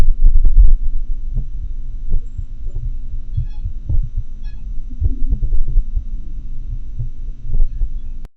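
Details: Heart sounds in atrial fibrillation, recorded with a homemade funnel-microphone setup via a computer sound card: low thumps at uneven, unpredictable, irregularly irregular intervals.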